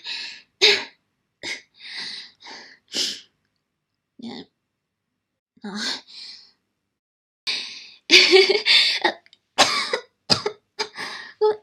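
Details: Girl coughing: a run of short, dry coughs and throat clearing in repeated bursts, about a dozen in all.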